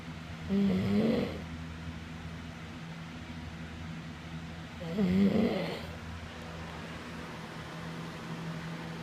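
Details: Two loud, rough snores about four and a half seconds apart over a steady background hum; ordinary snoring at roughly 14 breaths a minute.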